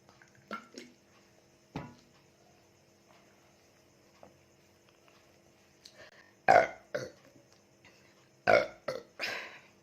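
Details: Several loud burps after drinking Coca-Cola in a burping challenge, with quiet room noise between them; real, ordinary belching.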